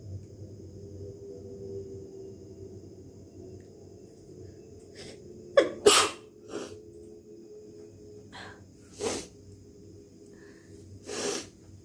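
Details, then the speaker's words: Deliberately triggered sneezing in a sneezing challenge: one sharp sneeze, then several softer breathy bursts over faint background music. She reports managing only a few sneezes with difficulty. "ঠিক আছে, তো এটা নিয়ে আমি আজকে হাঁচি দেবো। তো দেখি আমি কটা হাঁচি দেবো।"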